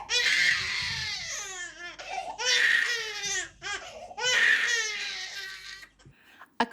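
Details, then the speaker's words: Infant's sustained, intense cry: full-on, fever-pitch, gurgling wails with no let-up and not decreasing in intensity, a cry unlikely to wind down that needs parental intervention. "if they're crying as a full-on sustained fever pitch gurgling type cry that isn't decreasing in intensity you need to intervene"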